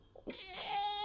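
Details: Short sudden high-pitched whining vocal sound, about a second long, not part of speech; a simple vocal tic in a person with Tourette's or chronic tic disorder whose tics have worsened lately.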